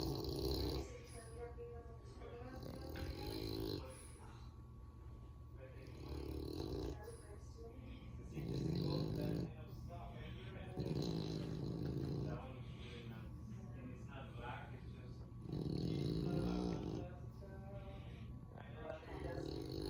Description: This is Louis, my Frenchie and also my brother too, and he’s sleeping on the couch, snoring 😴💤